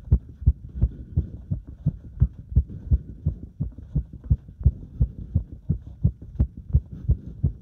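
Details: Heart sounds recorded during step-up exercise: fast, regular heartbeat of about 170 beats a minute with clear thumps; a normal rise in heart rate with exertion.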